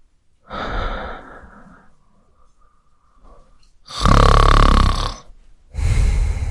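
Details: Sound-effect recording of a man snoring.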